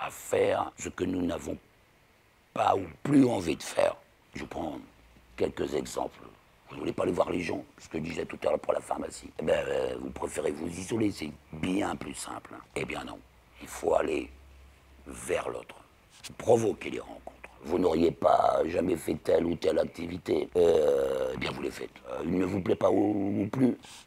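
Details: Man about 60, total laryngectomy at end of 2022 for laryngeal cancer, then radiotherapy; 4 months whispering, then relearned speech in rehabilitation; alaryngeal speech after total laryngectomy.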